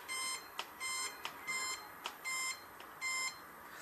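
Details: Repeated short electronic beeps, each with a button click, in a quiet room as the treatment time is adjusted on a COZING-T03 handheld 650 nm cold laser pain-relief device; device beeping during setting adjustment.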